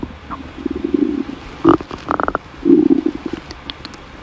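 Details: Hungry girl's stomach growling (borborygmi): low rumbling growls with quick gurgling pops.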